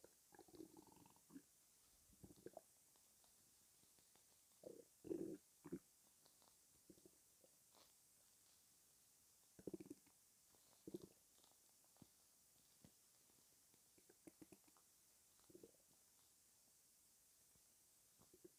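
Quiet gurgles, bubbling rumbles and soft squeaks at irregular intervals over steady background hiss; ordinary bowel sounds.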